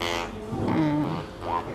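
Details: Electrolarynx speech from a male laryngectomy patient with laryngeal cancer; the therapist notes a cracked, leaking sound and has him correct device placement, and the later attempt is praised as good.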